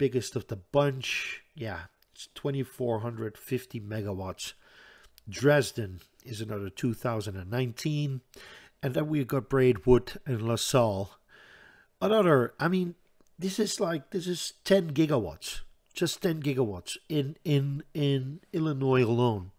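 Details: Stuttering in a man who reports a stutter that is audible all the time, a type in which he always hangs up between his words.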